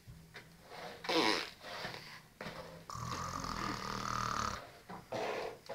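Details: Snoring.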